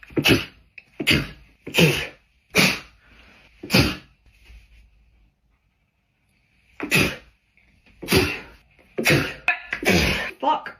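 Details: Girl sneezing: a series of about ten sharp, explosive sneezes in quick bursts with a short pause midway; ordinary repeated sneezing.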